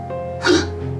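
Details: Adult man with persistent hiccups lasting eight years, temporarily relieved by carbonated drinks; a single abrupt, voiced hiccup over steady background music.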